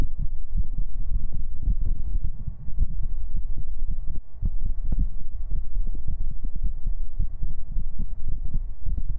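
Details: Heartbeat sounds during a VTuber ASMR stream recorded with a 3Dio binaural microphone: a normal heartbeat.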